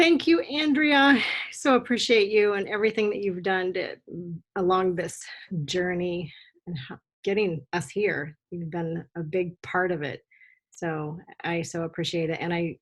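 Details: Adult woman speaking, online meeting audio; normal speech.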